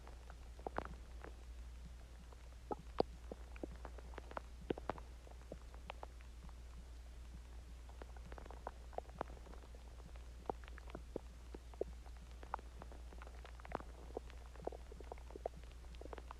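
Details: Scattered faint gurgles and pops over a steady low hum; ordinary stomach growling from digestion after eating Chinese food and drinking water.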